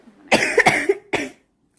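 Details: Two harsh, rough coughs from a young woman who smokes, the first drawn out with a raspy tail; she reports a low buzzing when she inhales; smoker's cough.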